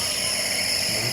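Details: A child with cough and flu receives nebulizer treatment at a clinic and is told to breathe in the mist, with a steady high-pitched hiss and mechanical whir running continuously without pauses; nebulizer running.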